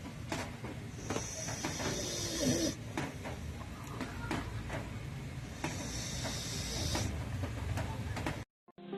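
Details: Bulldog snoring while asleep: two long hissing, whistling breaths over a noisy room background with clicks and knocks.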